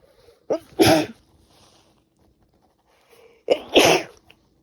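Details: Female on the second day of a cold who can't stop sneezing: two sneezes, each a quick in-breath then a sharp, forceful burst; repeated sneezing.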